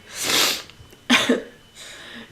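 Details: Two harsh, noisy cough bursts from an adult man in the background, followed by a softer breathy exhale: cough.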